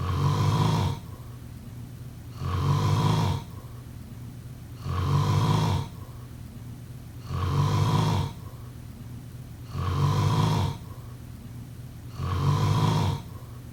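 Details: Steady, loud, low rumbling snores recurring about every 2.5 seconds, roughly 24 breaths a minute, with a noisy hiss between them; snoring.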